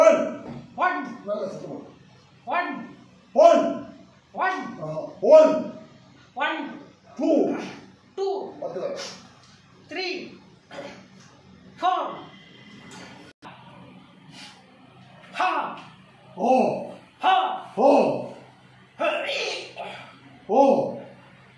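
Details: Male patient with puberphonia vocalizing during a voice treatment session, raising and lowering his arm and holding his abdomen as a clinician directs; puberphonia voice therapy exercise.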